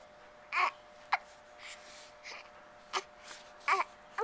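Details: An infant in a stroller with hiccups: brief, sharp, repeated vocal catches with a few small whimpers in a quiet room.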